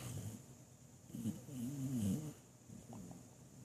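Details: Sleeping boxer dog with a newly started sleep noise: one long, rumbling, buzzy inhaled snore, then a softer second breath in a quiet room; snoring.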